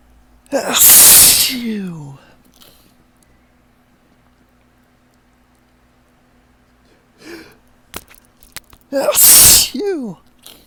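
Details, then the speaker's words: Adult with ragweed pollen allergy on a windy morning: two loud, wet, drawn-out sneezes after a ticklish build-up with hitching breaths and gasps. "Oh my goodness, it just takes over so completely. My nose just takes over. I just can't stop."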